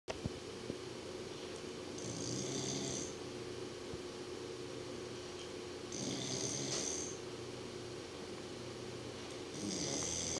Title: Snoring Swan